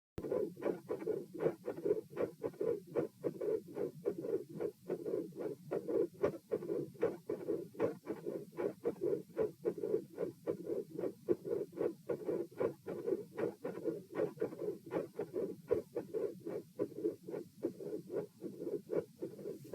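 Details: Heart auscultation at position P during a stress test (rates 72-90-102-114-90 bpm while lying, sitting, standing, bobbing, standing, lying). A regular heartbeat at about 75 per minute, with periods of continuous rumbling machinery murmur and sharp high-pitched clicks.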